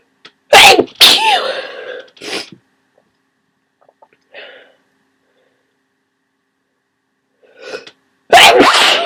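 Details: Person with a cold: three loud, explosive sneezes in quick succession, each with a sharp inhaled lead-in, then a final big sneeze after a pause.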